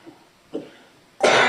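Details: Judge in a courtroom who reports coming down with a bad cough: a single abrupt, loud cough after quiet, cut off before it finishes.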